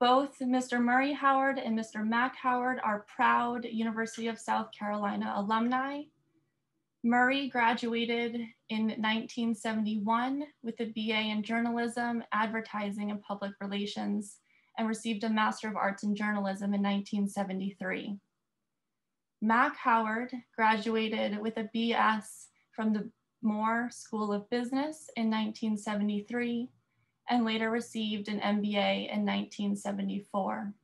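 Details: Adult woman speaking; normal speech.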